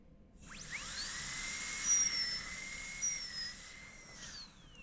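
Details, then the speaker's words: High-pitched whine of a high-speed dental drill spinning up, pitch dipping under load, cutting the lingual wall of a distal-occlusal Class II preparation on a maxillary molar of a typodont in a teaching demonstration. "now then we got start the margin and cut inward until we get the angle just the way we want if the walls taller than the Burr I might have to cut in at two different levels in order to get that wall nice and flat"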